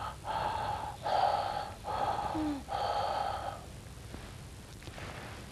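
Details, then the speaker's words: Imitated bronchial breathing in a respiratory examination teaching demonstration: harsh, hollow breath sounds with a clear gap between inspiration and expiration, characteristically heard over consolidations. "bronchial breath sounds bronchial breathing is characteristically heard over consolidations"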